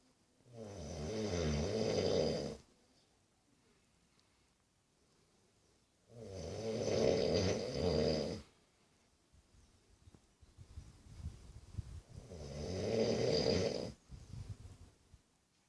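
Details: 19-year-old male snoring loudly with rattling snores during sleep, three in about sixteen seconds, roughly eleven breaths a minute.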